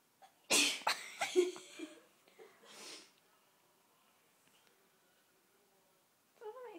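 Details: A single loud, explosive adult sneeze, followed by a short breathy exhale and faint voices.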